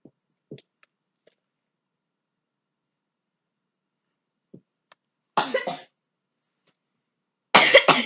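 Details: Child with a cold, seeing a doctor: two harsh, noisy cough bursts after a few faint throat sounds.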